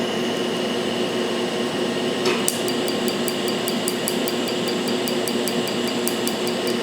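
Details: Tattoo removal with Astanza Q-switched Trinity laser, fifth treatment of multicolor tattoo: 1064 nm on black, 532 nm on cherry initials; rapid evenly spaced sharp snapping clicks about three a second over machine hum; Q-switched laser pulses.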